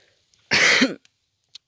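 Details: Adult with a cold who is physically unwell: a single harsh cough burst lasting about half a second.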